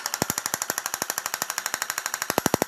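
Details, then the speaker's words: Shockwave therapy device running: rapid, regular sharp tapping pulses, about ten to twelve per second, like a small hammer striking repeatedly. "what is that that sounds like a doctor hidden a little hammer on your knee over and over and over again that means we're healing that's the sound of Shockwave therapy"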